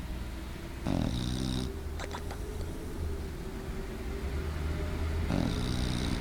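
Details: Pet bulldog napping on a couch, snoring.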